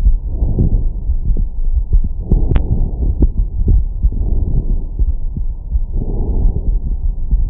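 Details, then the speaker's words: Person's own lungs heard through the Stemoscope handheld digital stethoscope via phone/iPad app: soft low rushing airflow swelling in and out, occasional thuds; normal breath sounds. "it literally comes off straight from your iPad or your phone and you can just straight away have a listen to your lungs"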